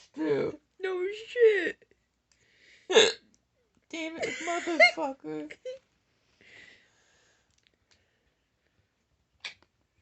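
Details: Short speech bursts from an adult man broken by abrupt, sharp gulping catches, including a clear isolated one near the end: hiccups.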